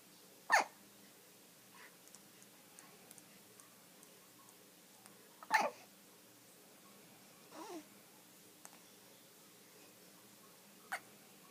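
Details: Infant hiccups while a cat watches: a few short, sharp hiccup sounds spaced several seconds apart in a quiet room.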